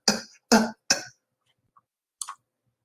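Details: Imitated vocal tic, demonstrated in a lecture as a feature of antipsychotic-induced movement disorder (extrapyramidal effects); vocal tic (imitated).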